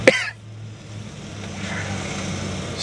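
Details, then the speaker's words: One short, sharp dry cough from an adult still getting over a cough, triggered by dry store air conditioning, followed by outdoor traffic noise after stepping outside into more humid air. "started making me cough again. Now that I'm outside, the air is a lot more, or at least the humidity is more balanced."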